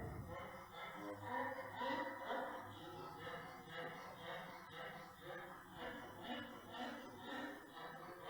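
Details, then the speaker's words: Brachycephalic dog: rapid, harsh, high-pitched breathing noises, stridor indicating laryngeal disease. "this is larynx okay so that's larynx if you hear that in a brachiophilic dog it's larynx"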